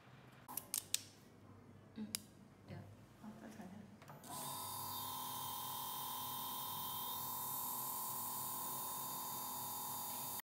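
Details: 1:5 speed-increasing contra-angle dental handpiece on test: a few clicks and handling noises, then a steady high-pitched whine as it runs at speed.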